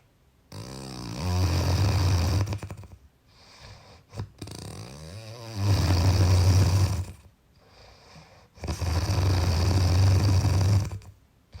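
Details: Three loud, deep, rattling snores about 15 a minute, with quieter breaths between: heavy snoring.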